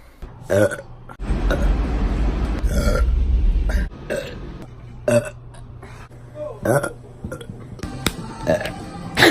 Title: Cute girl burp Compilation